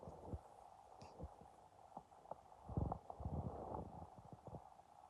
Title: My empty stomach growled and it gurgled #emptystomach #hungry #rumbling #starving